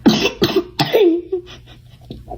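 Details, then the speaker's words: Three quick dry coughs in a row with a faint voiced sound after the last, during play doing hair and makeup; the cougher calls it a weird cough. "I have a weird cough."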